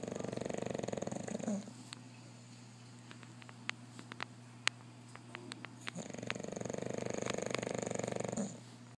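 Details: Two long, fluttering breath sounds separated by a quieter pause with faint clicks: steady snoring from a sleeping female pet.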